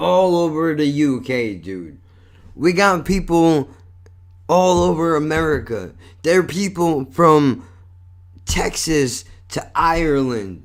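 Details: Adult male with cerebral palsy and multiple sclerosis, a neurological disorder he says affects his speech and involves some body movement: dysarthria.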